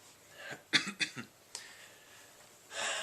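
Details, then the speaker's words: 31-year-old man with Tourette syndrome, mostly motor tics plus vocal tics, tics since about age 9: short cluster of quick, clipped cough-like noises with breathy sounds; coughing vocal tic. "I have mostly physical, or I guess motor tics, but I do have vocal tics as well, the coughing and some other noises."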